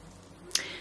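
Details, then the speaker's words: A single sharp crack from the knee while walking, knee crepitus; she says her knee cracks audibly every time she walks. "Et ça, c'est mon genou qui craque. À chaque fois quand je marche dans mes vidéos, on l'entend craquer, le pauvre."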